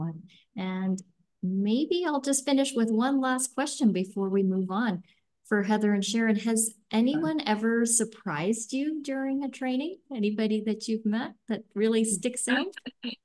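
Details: Adult woman speaking; normal speech.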